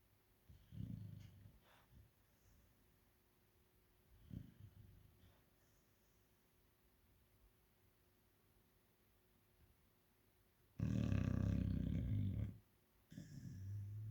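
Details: Low rumbling breath noises from a sleeping chow chow dog, with a louder snorting snore near the end; snoring.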